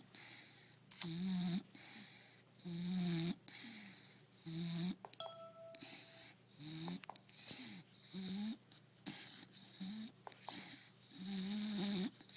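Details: Bulldog snoring while napping: repeated low, rumbling, snorting breaths with a nasal whistle every few seconds in a quiet room.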